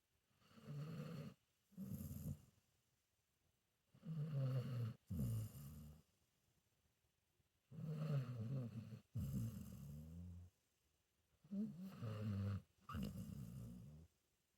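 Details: Senior pit bull mix dog sleeping and snoring: low rumbling snores in paired bursts, about 16 breaths a minute, with quiet pauses between; ordinary snoring.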